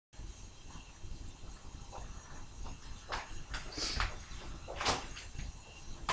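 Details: Three tickle-induced sneezes in quick succession, each forceful, a sharp burst of air over quiet background noise, with the explosiveness under-captured by the mic; sneeze.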